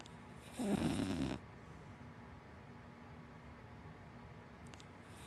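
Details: A single rough, rattling snore from a sleeping dog, a wiener dog–black lab mix, then several seconds of quiet; ordinary snoring.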